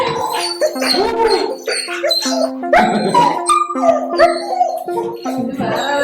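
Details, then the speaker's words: Pet dog at a veterinary clinic for a bath, with small cotton pieces placed (apparently in the ears): repeated high, wavering whines and yelps with music in the background; dog whining. "പട്ടി കരയുന്നേ ചെറിയ പഞ്ഞി വെച്ചേക്കുന്നേ വേണ്ട."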